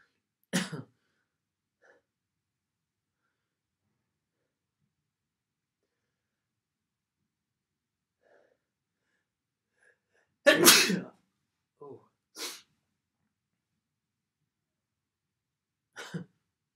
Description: me inducing a few sneezes and blowing my nose at the end on the first day of December.